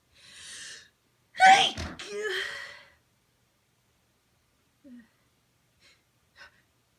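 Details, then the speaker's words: A person with a sensitive nose, possibly an early cold or allergies, induces sneezing with rolled-up tissue: a breathy inhale, one loud forceful sneeze with voiced exhale, then sniffs. "Oh, these are powerful."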